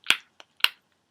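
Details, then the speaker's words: Several sharp tongue clicks in about a second from a college freshman with moderate/severe Tourette syndrome, a clicking tic picked up in linguistics class: simple vocal tic. "and I picked that up as a tick along with all the other sounds that we did in linguistics class so that was fun and interesting"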